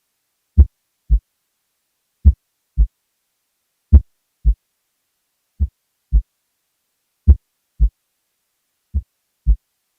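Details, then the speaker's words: Patient in complete heart block with AV dissociation: slow, regular heartbeat near 36 a minute, first heart sound varying in loudness beat to beat from variable mitral closure speed; variable intensity S1. "this can be caused by AV dissociation where a variable relationship between LV and La pressures leads to variable speeds of mitro valve closure here is a recording from a patient in complete heart block and it's associated AB [Music]"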